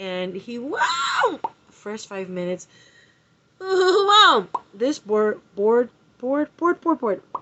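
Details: Adult woman aged 39 with Tourette syndrome, with a vocal tic interjection mid-speech: vocal tics (Tourette syndrome).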